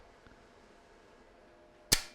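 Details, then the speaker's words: A single sharp, loud mechanical snap as the UroLift applicator fires and deploys its needle during cystoscopic prostatic urethral lift on the left lobe, in an elderly man with a grade 1–2 prostate and high cardiac risk. "I can see a white line inside that strting halfway yes halfway and now I deploy it yes on both sides it is deployed"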